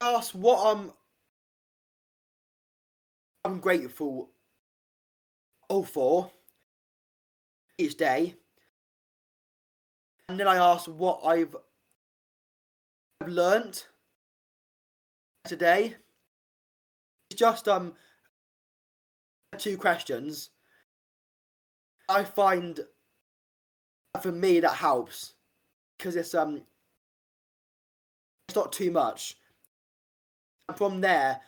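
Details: Adult man with a real stammer since about age five; stuttering.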